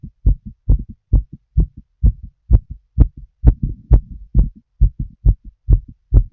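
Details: Adult female smoking a cigarette, full heart auscultation through a stethoscope: steady, regular heartbeat at about 65 beats a minute, each beat a clear double thump; normal heart sounds.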